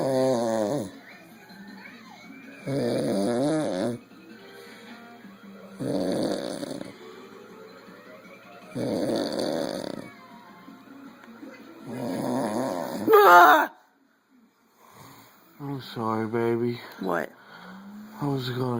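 Loud, rattling snores roughly every three seconds, separated by quieter breathing, with some background sounds and music.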